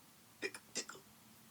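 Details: Acted hiccups: two quick paired 'hic' sounds voiced by a storyteller imitating the Skeleton character in a children's Halloween read-aloud story. These are not real hiccups.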